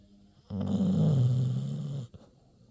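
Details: Pit bull dog snoring while asleep: a single drawn-out, low rumbling snore lasting about a second and a half.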